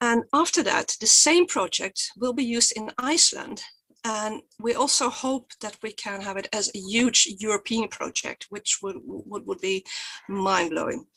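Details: Adult woman who stutters and describes being photographed in her stuttering block; stuttering.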